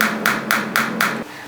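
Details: Five sharp, evenly spaced tapping pulses, about four per second, from an EMFOCUS shockwave therapy handpiece firing during a trigger-point treatment demonstration.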